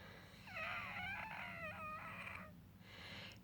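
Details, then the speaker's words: Wheezing at 3 am in an adult unable to sleep despite taking all their inhalers: a long, high musical whistle on the breath, shifting in pitch, then a shorter second whistle. "you're wheezing it's so stupid I've taken all my inhalers I'm still wheezing"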